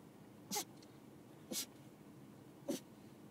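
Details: Puppy sneezing: three brief, sharp, airy bursts about a second apart over soft room noise.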